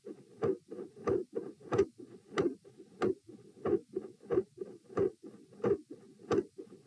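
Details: Doppler probe at position P during a lying-sitting-standing-lying posture stress test, edited with some skips: regular heartbeat about 92 a minute, with soft rushing between sharp beats, multiple heart murmurs.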